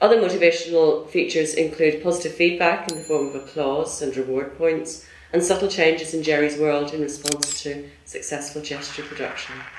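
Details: Adult speaker narrating; normal speech.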